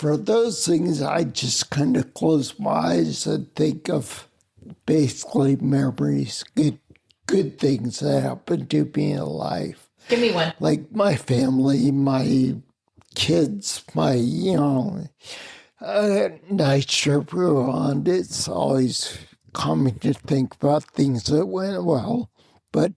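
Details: Adult man, military retiree, with spinocerebellar ataxia of unknown type; slurred speech and balance loss began around 1999, making phone conversations difficult; ataxic dysarthria.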